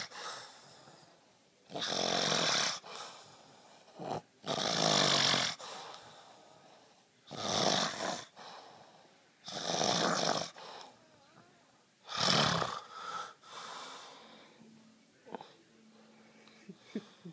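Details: Man napping before bed, loud harsh rasping snores in regular cycles, about 24 breaths a minute, with airy breathing between; snoring.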